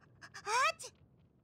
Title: Yanfei Sneezing In 4 different Languages